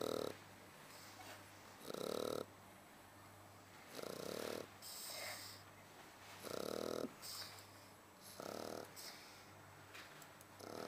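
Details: Sleeping Shar Pei dog snoring: regular snoring breaths about every two seconds, roughly 28 a minute, with a soft whistling edge.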